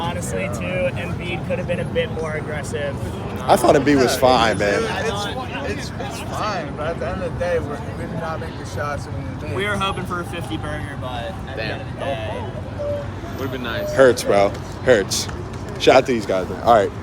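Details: Adult man speaking; ordinary speech.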